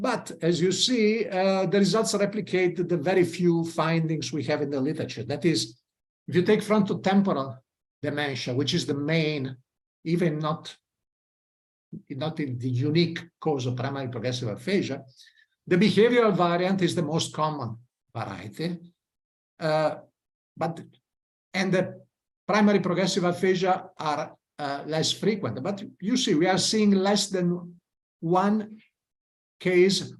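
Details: Adult male lecturer; normal speech.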